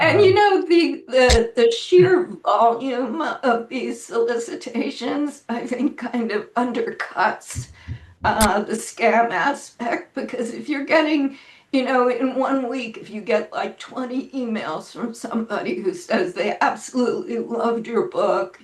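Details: Adult woman with spasmodic dysphonia, which she says causes her voice to sound this way; severity varies from day to day, and she reports this is not a particularly good day; spasmodic dysphonia.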